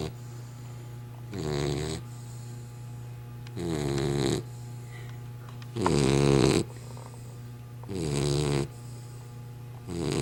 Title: dozer snoring